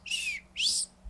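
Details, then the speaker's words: Adult imitates the high whistling wheeze parents may hear in a child with bronchitis and bronchial obstruction, usually when obstruction is somewhat more moderate. "los papás lo pueden saber si es que hay una producción importante e a través de escucharlos y se escucha un silvo e"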